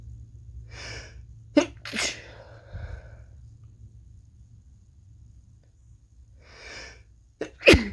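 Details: A person sick for several days, possibly with a cold, gives two sneezes about six seconds apart, each preceded by a quick breath in, with a faint background hum; sneezing.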